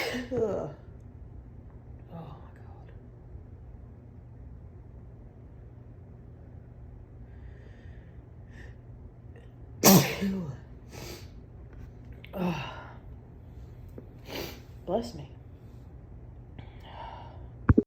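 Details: Morning sneezing fit on waking, congested with a burning tickle, attributed to allergy: several sharp explosive sneezes, each with a short lead-in breath, in a quiet room.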